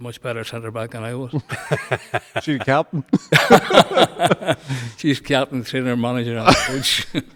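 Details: Man nearly 65 with Parkinson's disease, voice problem noticed before diagnosis, also word-finding difficulty; hypokinetic dysarthria (Parkinson's disease).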